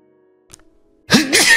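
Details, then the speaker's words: Near silence with faint hum, then one sudden loud voiced sneeze with a hissing rush, after an adult announces feeling it coming. "I'm gonna sneeze. It's coming. Yeah, I can hear it, or I can feel it, I should say."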